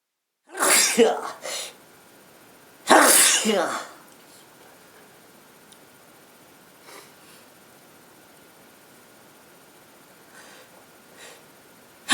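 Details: Girlfriend with a cold: two loud sneezes, each followed by a brief sniff, then quiet room noise with faint rustling; sneezing.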